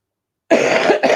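Two quick harsh cough bursts from an adult, the first longer and the second brief, in a cough associated with a cold.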